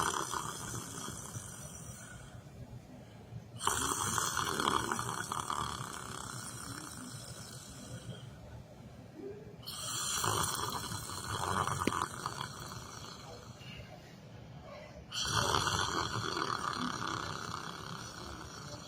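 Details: Person sitting in a chair during yoga meditation, asleep: loud, rough breathing noises in long bursts every few seconds with quieter gaps; snoring during sleep.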